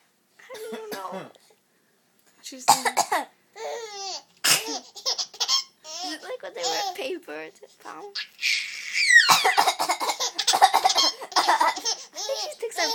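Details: 11-year-old girl gives deliberate, playful voluntary coughs, each answered by bursts of laughter from her 4-month-old sister.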